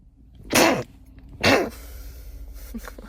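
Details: A woman who says she has sneezed her whole life: two sharp, explosive sneezes about a second apart, then soft snuffling in a quiet room; ordinary sneezing.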